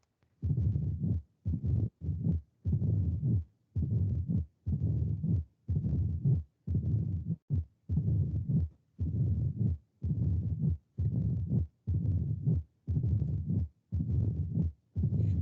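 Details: Mitral stenosis heard at the mitral area, about 58 beats a minute: a double knock of the second heart sound plus an opening snap, followed by a low holodiastolic rumbling murmur.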